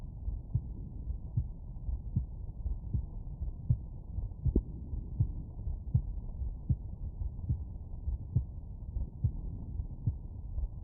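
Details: Normal heart sounds.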